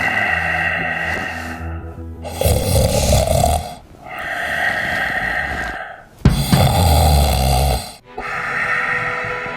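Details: Loud, rough snoring breaths from a sleeping puppy, partly buried under background music; snoring.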